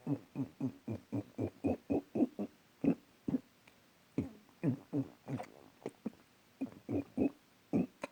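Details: A rapid run of short, low, voiced croaking bursts in clusters, a string of many quick burps.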